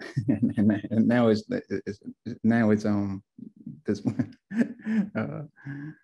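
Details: Adult male stroke survivor, two years after a left-brain stroke with multiple clots, helped by family, friends, community, a class and apps; aphasia with word-finding difficulty.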